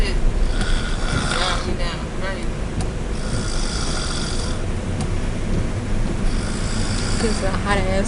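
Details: Snoring from a woman sleeping in a truck: loud, rough snoring with several snorts over steady, heavy background noise.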